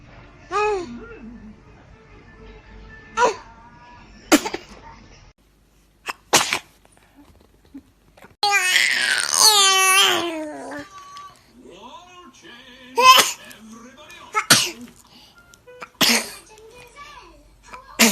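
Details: Infant sneezing in a funny baby sneezing compilation: small high-pitched baby sneezes between squeals and a short cry, with background music and laughter; ordinary infant sneezing.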